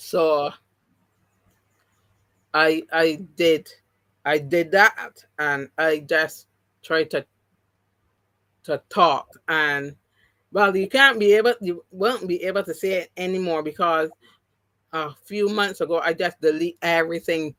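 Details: Aphasia, post-stroke and partially recovered, in an adult woman who had three strokes (2017, 2018, 2019). The first was haemorrhagic, causing loss of speech and right-sided paralysis. She regained speech, but some words will never come back.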